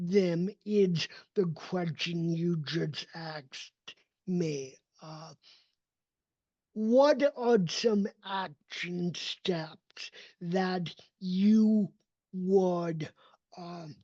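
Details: Adult male with cerebral palsy, a neurodevelopmental disability; speech did not emerge until age seven after extensive speech therapy and requires constant ongoing training; real, not acted; dysarthria (cerebral palsy).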